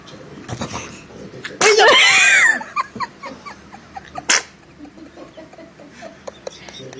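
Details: Person sneezing onto another person's face; a loud sneeze burst, then a shorter second sneeze, amid soft talk and household noise.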